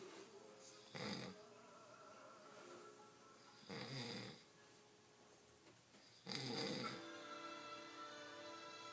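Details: Very loud snoring from a sleeping adult man; snoring.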